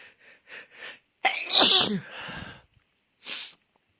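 Several quick sharp intakes build up to one loud explosive sneeze, then a smaller one, a sneezing fit.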